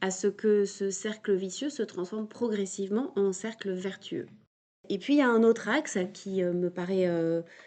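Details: 22-year-old man who has stuttered since early childhood, which was marked by a slight speech delay; stuttering.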